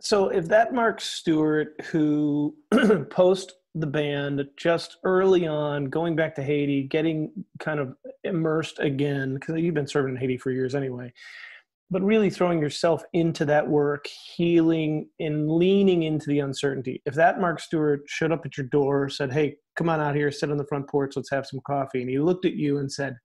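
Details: Adult male speaker; normal speech.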